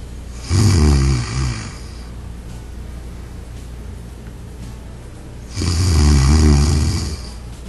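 Two loud, low, rattling snores about five seconds apart, with steady room hum between them; ordinary snoring.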